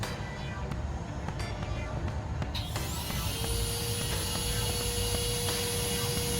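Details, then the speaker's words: Steady high-pitched dental implant drill motor whine starting up and running, with room noise: pilot drilling at the midline of the ridge, sparing buccal and palatal, on a dummy mandible in hands-on training. "So we're going to start with the drilling. You will always take the midline, leaving the buccal and the palatal."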